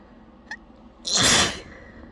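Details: Person holding back a forceful, wet sneezing fit: a short inward catch, then one forceful, wet, spraying sneeze.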